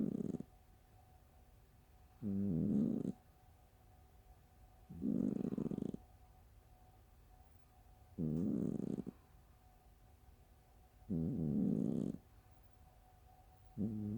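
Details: Low rumbling, fluttery snores about every three seconds, roughly 20 a minute, each buzzy and flapping, fart-like, in a quiet room; snoring.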